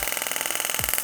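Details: Fast, regular rattling pulses, about twenty per second, from a handheld compressed-air radial shockwave device moved around the treatment area in a chiropractic session; the patient reports it is not painful.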